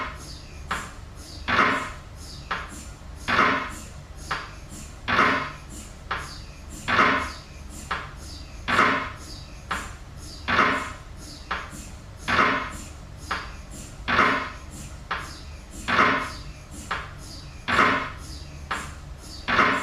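Loud, steady repeating knocks in pairs, about 33 cycles a minute, over a low hum; typical MRI scanner knocking.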